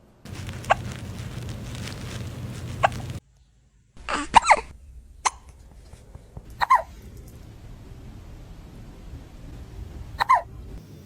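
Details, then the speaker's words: Cat named Ichabod hiccuping after eating too fast, possibly burping: several brief, sharp, squeaky catches at irregular gaps, about five in ten seconds, in a quiet room. "You have the hiccups. Oh, baby."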